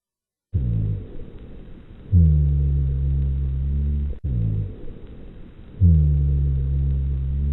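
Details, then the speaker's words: Educational breath-sound example: low-pitched, snoring, continuous sound through both phases of two breath cycles, lower in pitch than wheezes, usually from airway secretions and clearing with cough; rhonchi. "Ronai are also described as continuous sounds. They are lower in pitch than wheezes and have a snoring quality."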